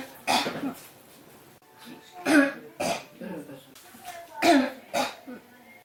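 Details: Adult with a cough that won't stop, tagged with pneumonia: about five coughs in six seconds in single and paired bursts, a repeated persistent cough.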